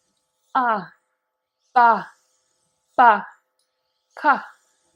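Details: Ventilator user with a tracheostomy tube practising isolated alphabet syllables as a speech relearning exercise; speech timed to ventilator exhalation.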